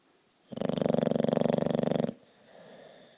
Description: Our bulldog Stanley snoring like a lord in the couch beside me!